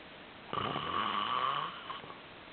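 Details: A single loud, whistling, buzzing snore lasting about a second in a quiet room; snoring.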